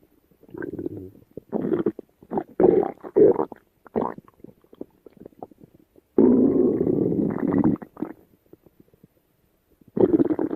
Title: Stomach Rumbling